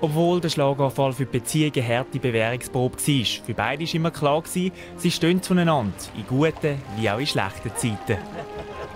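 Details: Adult narrator; normal speech.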